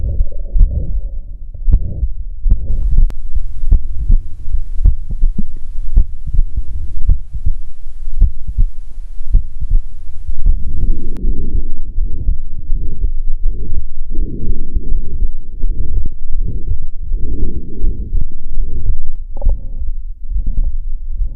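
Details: Heart sounds recorded with the Stethophone app: a rushing, whooshing murmur fills the gap after each beat, a systolic murmur, which can mark a range of cardiac pathologies.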